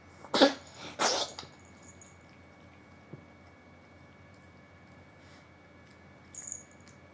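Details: A cat sneezes strangely and repeatedly, as if something got into its nose: two sharp sneezes close together, then quiet room noise and a faint later snort; sneezing.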